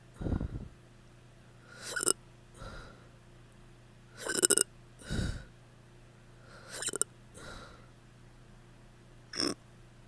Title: drunk hiccups